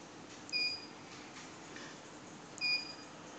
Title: Co2 laser fractional machine -------- Normal system